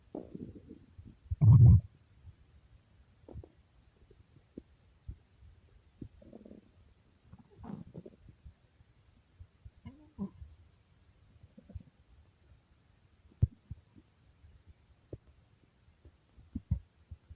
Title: stomach growling